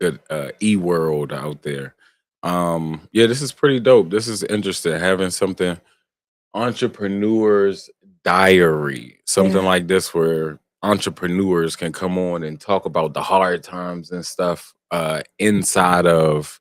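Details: Adult male speaker; Normal speech.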